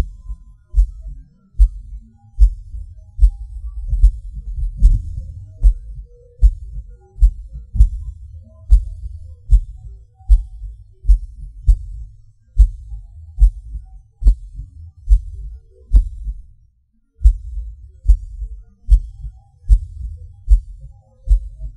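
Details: Person's own erratic heartbeat with premature beats (PVCs/PACs): low thumps about 74 a minute with uneven spacing, early extra beats and a clear pause. Pauses and hard beats are felt as a sudden falling rush.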